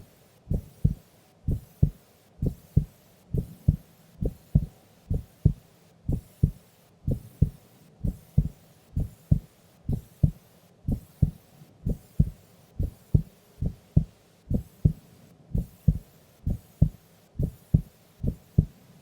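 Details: Female sleeping during an afternoon nap: steady, soft paired heartbeats, about 64 a minute, even rhythm; normal resting heart sounds.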